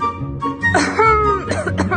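Short, harsh cough bursts without a wet rattle, an acted dry cough over background music.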